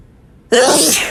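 One sudden, forceful, wet-sounding sneeze bursts out after a quiet moment. It is an ordinary sneeze.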